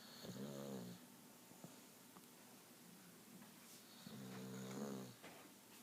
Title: Bulldog Matti snoring away